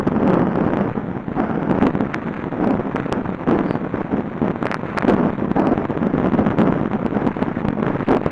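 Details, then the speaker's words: Dense rough rumbling texture with scattered crackling peaks, irregular and unmusical: about an hour of heart rate variability recorded during work, sped into seconds and played as tones; sonified heart rate variability. "So you have actually a tone scale played on the heart, and you could perform an opera with this"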